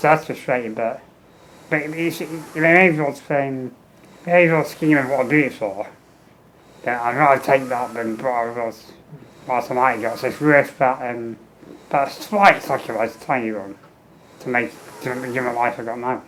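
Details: Adult man with muscular dystrophy and low lung capacity, tracheostomy 15 years, ventilator, fenestrated tube with speaking valve, air leak around trachea; speech in spurts per ventilator breath with breaks; ventilator-timed speech with tracheostomy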